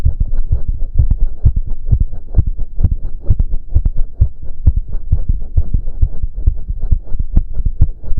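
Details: Rapid, forceful low thumps (heard around 130/min; owner reports close to 200 bpm) in a male during an intense cardio workout of about 15 minutes, with heavy breathing: exercise-induced tachycardia, a normal response to exertion.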